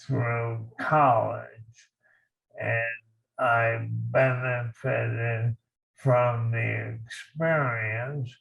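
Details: Dysarthria in a male veteran living with ALS, diagnosed in 2014.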